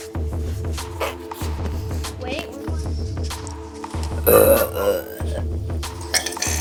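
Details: A loud, drawn-out belch rising over steady rhythmic music and brief voice sounds; burping.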